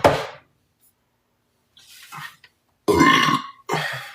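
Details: Burps compilation: several short, gurgling throat bursts with silent gaps between them, including one long rumbling burp, in a quiet room.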